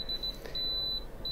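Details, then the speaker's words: Apex locator function check during root canal treatment, file touched to the rubber dam clamp bow: short high beeps merging into a steady tone as the reading goes fully up, confirming the device works. "so i'm going to touch the bow of the clamp and when i'm touching the bow of the clamp i'm going to make sure that i get this beeping sound here and we can see on the reading"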